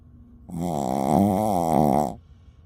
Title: Shih Tzu Snoring Loudly